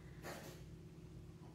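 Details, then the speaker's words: Cat's reverse sneeze, which a vet said is harmless: a single brief, harsh snorting breath. "you can hear that noise that's our cat winnie she does this reverse sneeze thing that the vet just said it's fine it's nothing but it just sounds so funny when she does it"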